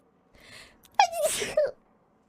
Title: Sneezes A Few Times While Playing Outlast Trials